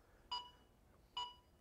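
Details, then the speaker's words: Two clear electronic beeps a little under a second apart: an AED's metronome counting chest compressions as CPR resumes after a delivered shock, demonstrated to a training class. "guess what that's doing for you it's counting your it's counting your compressions okay so you can just follow along with that"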